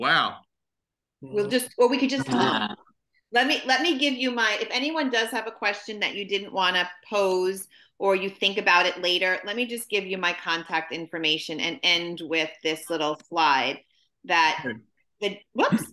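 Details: Adult woman speaking; Normal speech.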